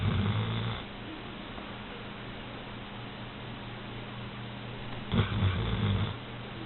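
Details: Female Old English Sheepdog snoring asleep in bed: two low rattling snores a few seconds apart with quiet breathing between them; dog snoring.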